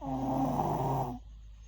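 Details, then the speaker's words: 5-year-old girl asleep, snoring described as worsening and abnormal, keeping family awake: a single loud, rattling snore lasting about a second, then quiet. "so I don't think it's normal for a 5 years old to be sning like this. This is getting worse. Like seriously, we can't sleep tonight because she's just making noise."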